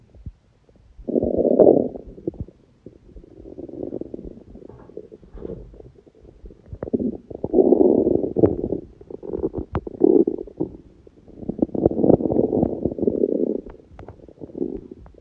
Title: くしゃみ入り本日の空腹音🤧/Today’s hungry sounds (with sneezing🙇‍♀️)